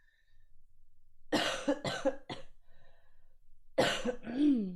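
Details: Three coughs in a short run, a quiet pause, then one more cough trailing into a voiced groan, from a livestreamer who is sick with a sore throat.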